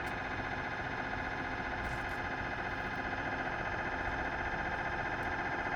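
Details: Philips 1.5T MRI scanner recorded inside the scan room during imaging: loud, steady, rapid buzzing and knocking drone throughout; normal MRI scanner noise.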